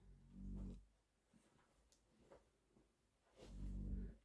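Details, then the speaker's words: Two low, rumbling snores about three seconds apart from a sleeping Labrador in the background of a quiet room. "if you can hear a noise it's my Labrador snoring in the background"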